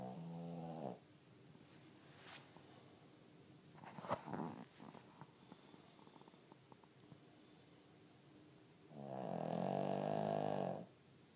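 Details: Sleeping small pet called a "lil snoring pig": two buzzing, nasal snores with soft rustling between them; snoring.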